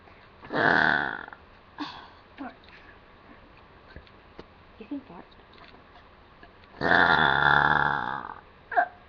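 Two long, loud, rumbling burps with quieter mouth sounds between them; belching.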